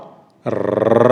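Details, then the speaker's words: Vocal imitation, in a case discussion of a 12-year-old girl with rheumatic mitral stenosis in sinus rhythm, of its murmur: a rough, rumbling growl for a mid-diastolic murmur with presystolic accentuation ending in a loud first sound. "typical murmur of matter stenosis is a rough and rumbling mid diastolic murmur with pre-systolic accentuation ending in a loud first sound it sounds like"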